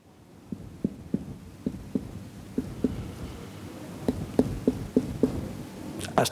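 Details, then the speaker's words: Abdominal examination, finger percussion starting on the left abdomen (index and middle fingers striking the other hand's phalanges): a series of short hollow taps giving a tympanic note, indicating gas within the bowel. "it is in this area at impanic percussion that is we are recruiting aerial areas with the presence of gas inside viscera left"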